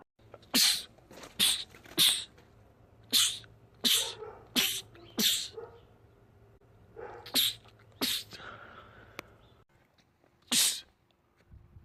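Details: Male rapid sneezing attack from a sneezing compilation: about nine sharp, hissy sneezes in quick succession with short pauses; sneezing fit.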